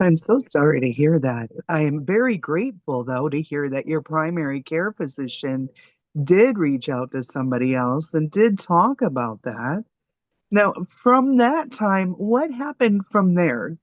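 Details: Adult speaker; normal fluent speech.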